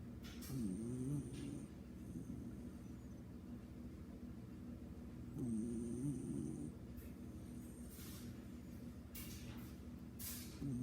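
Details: Sleeping beagle: soft rattling snores recurring about every five seconds beneath a steady low background rumble; snoring.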